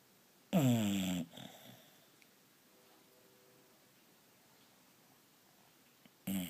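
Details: A bulldog asleep on its owner while the owner reads gives a short, loud snorting snore, then near silence, then the start of another snore; snoring.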